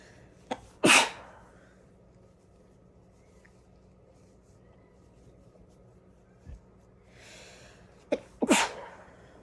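Two sharp, forceful sneezes, each led by a quick intake click, separated by quiet; ordinary sneezing.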